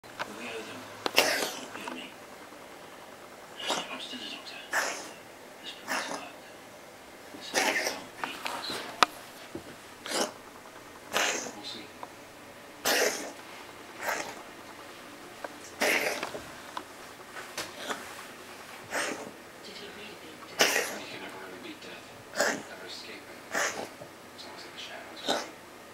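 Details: A pet named Shadow breathing in repeated short, raspy, wheezy bursts with quiet pauses between them; wheeze.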